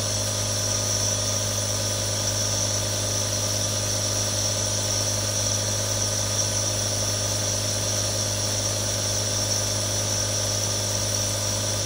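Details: Real sounds from one of three different nebulizers: a steady mechanical hum with a constant hiss of mist, unbroken throughout, as the nebulizer runs continuously.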